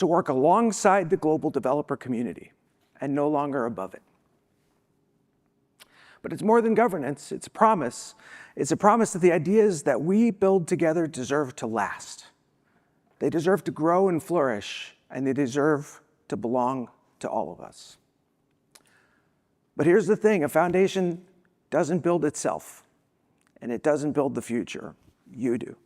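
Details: Adult woman who says she has a vocal disability, spasmodic dysphonia, and is not sick: spasmodic dysphonia.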